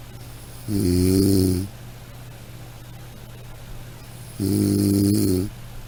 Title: Soothing Snoring Sound - Black Background